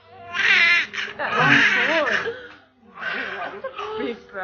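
High, rising and falling cry bursts from a newborn, with some adult voices mixed in: a normal newborn cry.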